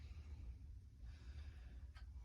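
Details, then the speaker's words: Normal breath sounds by stethoscope over the front of the chest during deep breaths: soft, low sounds with no wheeze, stridor or rhonchi. "Good. Deep breath. I don't hear any wheezing. Doing good."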